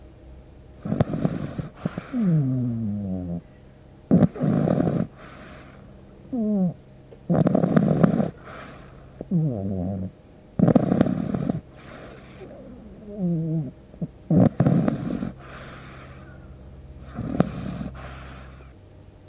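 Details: Pug puppy snoring, with no background music: repeated rattling, snorting snores with each breath, about a dozen cycles.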